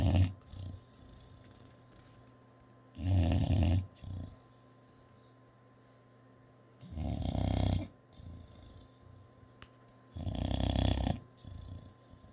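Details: Loud, rough, low snores from a sleeping English bulldog, about 15 a minute with softer snorts between; snoring.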